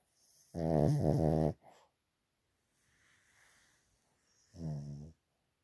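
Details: Pet dog snoring deeply in sleep, owner considering vet check of his breathing: loud buzzing, fluttering snores with a soft breath between; snoring.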